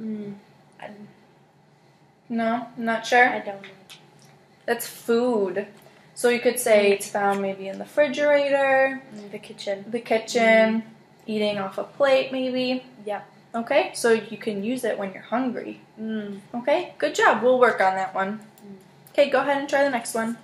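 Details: Adult woman, therapist speaking; normal speech.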